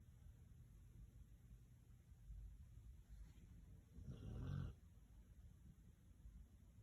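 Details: Nine-year-old Thor snoring like an old man.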